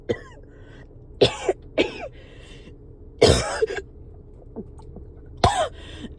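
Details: Coughing fit while riding in a car, with phlegm badly stuck in the throat: four forceful, wet-sounding coughs with throat clearing over low car noise.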